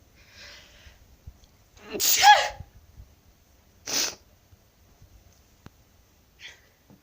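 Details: Person sneezing while a black cat complains; a loud voiced sneeze then a shorter one, with faint breathing and small room noises between.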